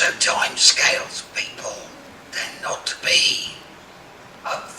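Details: Adult man diagnosed with laryngeal cancer in 2018, treated with six weeks of radiotherapy, then recurrence three months later and laryngectomy; uses a voice prosthesis; tracheoesophageal speech.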